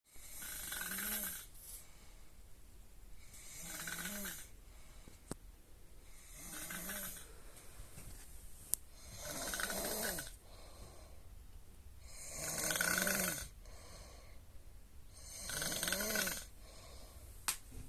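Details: Regular rattling snores with breathy exhalations, about six in eighteen seconds (roughly 20 breaths a minute); snoring.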